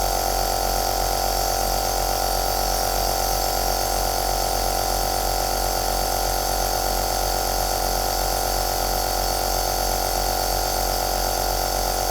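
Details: Aerosol nebulizer compressor running, recorded as white noise: steady, loud mechanical hum with fast regular pulsing.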